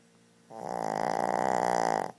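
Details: A single loud, rattling, fluttering snore lasting about one and a half seconds from a Shih Tzu dog; very loud snoring.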